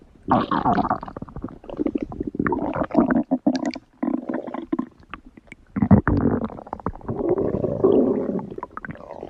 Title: 5 minute of my stomach growling #53